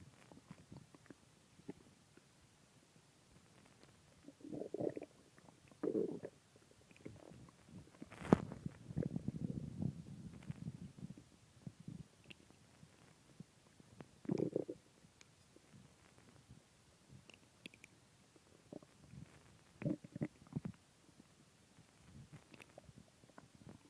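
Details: Low gurgling and rumbling bursts from the belly after eating a large pizza and two ice creams; borborygmi (stomach growling).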